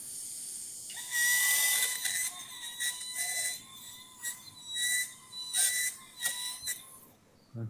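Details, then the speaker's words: High-pitched whine of a high-speed surgical drill in bursts, with hissing between runs, during a minimally invasive TLIF spine surgery, finishing a laminotomy of the inferior lamina with the ligamentum flavum now in view, before a transverse cut into the pars. "so i drilled through the outer cortex the canned sauce bone now on the i'm in the inner cortical bone so almost to the ligament of flavum here"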